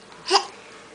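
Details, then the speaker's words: A young boy who often gets hiccups, still hiccuping after waking: a single sharp, brief voiced catch of breath (hiccup). "Are the hiccups all gone? Nope. Oh, you still got them, huh?"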